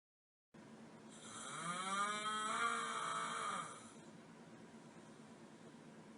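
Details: Adult husband snoring while asleep: a single loud, drawn-out tonal snore with rising then steady moaning pitch, like a cow's moo, over faint room hiss.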